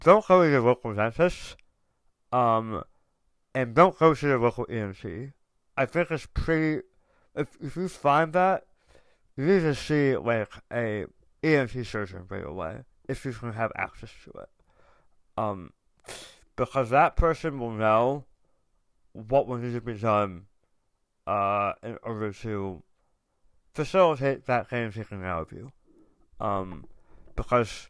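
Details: Adult male tongue cancer survivor, diagnosed October 2021, over 1.5 years in remission, about 80% of tongue removed and reconstructed with left-leg muscle, after proton therapy and chemotherapy, with reduced tongue and jaw movement; articulation impairment after partial glossectomy.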